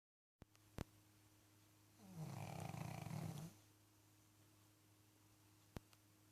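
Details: Pug snoring: a single loud, low, fluttering snore about 1.5 seconds long in a quiet room with steady background hum and faint clicks.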